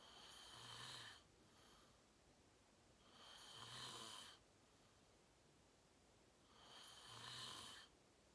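Rhythmic rasping snores with each breath, about 18 a minute, over faint room hiss; snoring in sleep.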